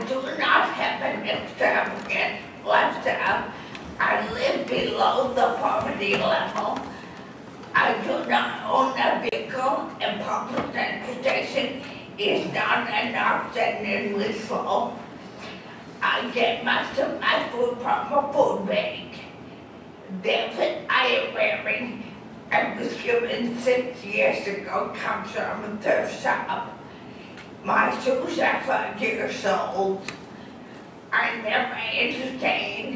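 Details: Adult woman with dysarthria after a massive stroke that also left her unable to walk and with lost balance; real, with an audible speech impediment she notes herself.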